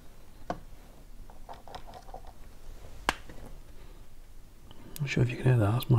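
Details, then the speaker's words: Adult's shoulder joint popping while building a model: sharp isolated pops in a quiet room, one loud click standing out. "hear that, that's my shoulder popping."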